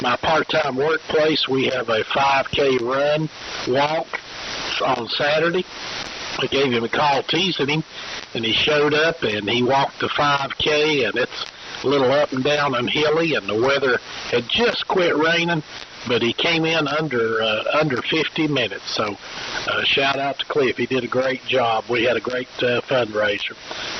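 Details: Adult man speaking over radio; normal speech.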